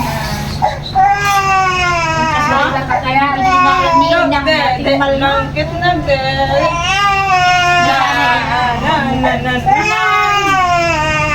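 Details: Sustained high-pitched wailing in long rising and falling cries with brief gasps between from a 2-month-old infant, with room noise and voices behind; infant cry.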